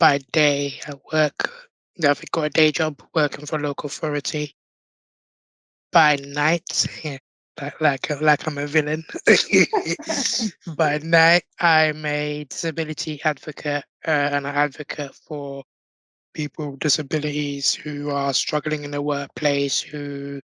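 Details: Tracheostomy-affected voice in an adult man born six months premature with undeveloped airways. He had emergency surgery at birth to place a tracheal tube, spent two years in an incubator and has lived with a tracheostomy since; prematurity heavily impacted his vocal cords.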